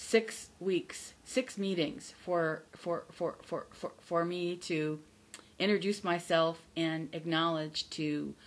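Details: Adult woman who stutters, not recovered from stuttering and says her stutter is audible; stuttering.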